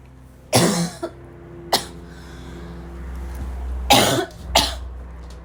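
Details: Afternoon coughing fit in a girl, starting weak and growing violent: four harsh, explosive coughs, some followed by short throat clearing, at the start of the fit.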